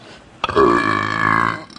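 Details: Woman with an upset stomach gives one long, loud, voiced belch lasting over a second, rumbling and steady in pitch.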